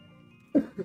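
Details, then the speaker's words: Adult's lingering post-viral cough, present for more than a month, with a sore throat, recorded during a livestream: one sharp cough, then a smaller second burst over steady background music. "These damn post viral coughs that I get like more than a month of death. Sorry about that noise."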